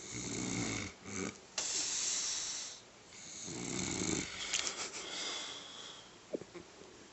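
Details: Snoring from a sleeping adult (fiancé) and a puppy, possibly 14 weeks old: rough, rattly breathing noises in long sleep breaths with small snorts.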